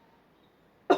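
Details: 42-year-old woman taught effective coughing for sputum collection: after a deep breath in and a breath hold, a quiet pause, then one sudden forceful voluntary cough, cut short.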